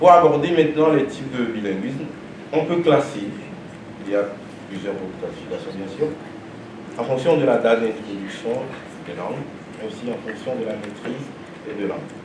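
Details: Adult male speaker; normal speech.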